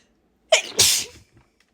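A quick sharp inward breath, then one forceful, explosive sneeze that trails off; a single strong sneeze.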